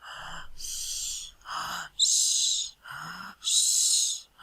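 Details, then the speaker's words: Simulated: a lecturer imitates wheezing with dyspnea. Rapid, laboured breaths about 40 a minute alternate with high whistling sibilance, depicting a tachypnoeic patient with wheeze, as in pulmonary or cardiac asthma or a nervous crisis. "pero mientras se los voy a hacer la onomatopeya de lo que es una sibilancia. Es como un silbido"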